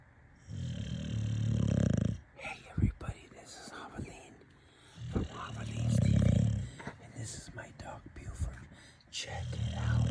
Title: #snoring #sleeping